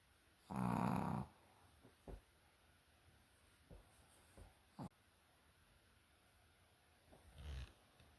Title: Stop snoring!